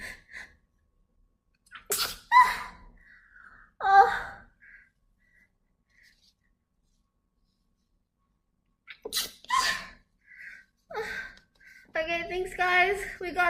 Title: sneeze girl